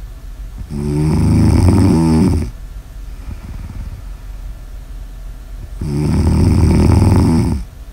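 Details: Snoring ASMR audio recording: two loud, rattling, low-pitched snores on the in-breath, with quiet breathing between them; ordinary snoring.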